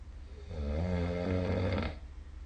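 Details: Snoring recorded with the SnoreLab app during sleep: a single low, rattling, buzzing breath of about one and a half seconds.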